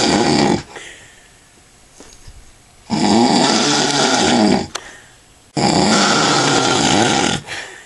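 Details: Loud, rough, rattling snores on each in-breath, about three in eight seconds with quiet pauses, from an adult man sleeping after drinking lots of alcohol; snoring.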